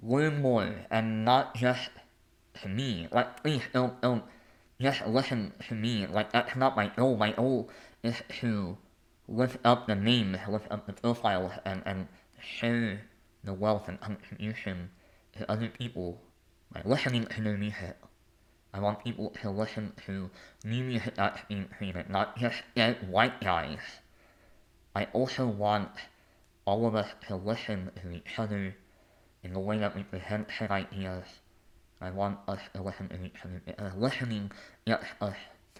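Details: Adult male artist, composer and conductor with a lifelong speech impediment affecting the mechanical production of words, noticeable as soon as he speaks; speech impediment.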